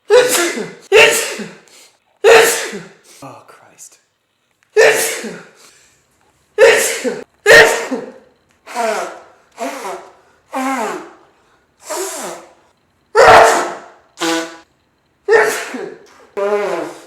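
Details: Adult with seasonal allergies that flare every late September to early October in Texas: a run of about fifteen sharp, rapid sneezes, some with a voiced gasp; uncontrollable sneezing.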